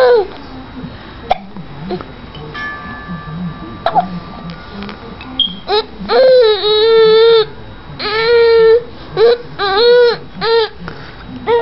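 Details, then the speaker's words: 5-month-old baby boy with hiccups amid crying and laughing: sharp, brief vocal catches among whimpering and cries, with a steady background hum. "You got too many things going on. The hiccups, the cries. The laughs."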